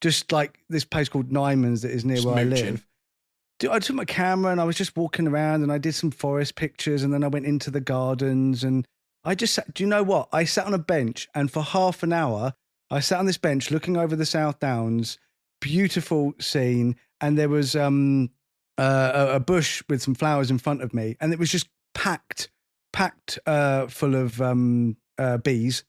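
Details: Adult man; Normal speech.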